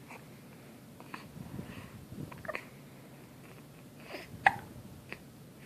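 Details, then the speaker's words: Quiet room with a few short, sharp catching sounds spaced irregularly over several seconds; hiccups. "got the hiccups? You got the hiccups?"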